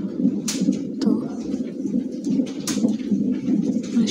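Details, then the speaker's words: Fetal heartbeat at 33 weeks plus 1 day during an NST/CTG, with the monitor strapped to the mother's belly: rapid, rhythmic whooshing thumps from the monitor speaker, about 136 a minute, within the normal range. "alat tes ke perut aku dengan kabel-kabel ini terus kayak gini suara detak jantungnya gitu"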